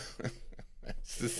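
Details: Cough from a man during a live radio show; he attributes it to allergies and also reports a bloody nose that isn't healing.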